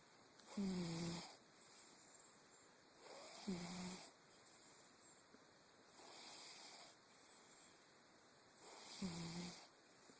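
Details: Soft rhythmic snoring with a faint whistling tone, about four breaths in ten seconds, from a sleeping cat; quiet room hum behind.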